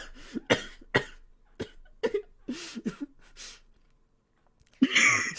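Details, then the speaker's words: A lingering cough after illness (sick about a week, then kept coughing, around 20 coughs in 10 minutes): a run of short, dry, hacking coughs, then a louder, harsher cough after a brief pause. "Honestly, no, I stopped being sick after like a week and a day or two, and then I just kept coughing."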